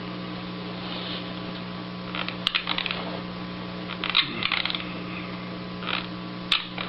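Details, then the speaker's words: Night-time sleep bruxism attributed to stress: fairly loud clicking and grinding of the teeth knocking together during sleep. "Tapi suara gigi dia beradu. Suara giginya beradu pada saat malam. Oleh karena dia stres."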